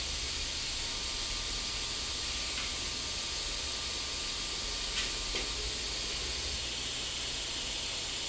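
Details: Dental implant surgery, flapless immediate implant at tooth #13 after crown-root fracture, guided placement with dual-zone graft: a steady hiss of dental suction and irrigation with a few faint clicks.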